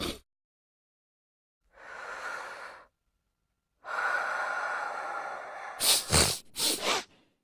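Long drawn-in breaths building up, then a burst of sharp, explosive sneezes in quick succession. Sneezing.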